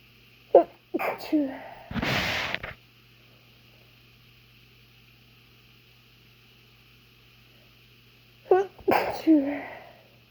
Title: A few chhinkni sneezes